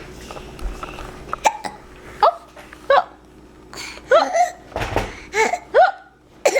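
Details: Dog hiccuping: about eight short, sharp, squeaky gulps at irregular intervals, with faint room noise.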